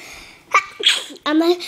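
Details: A short indrawn breath, then a small, sharp hissing burst, a little sneeze, followed by a voice in the room.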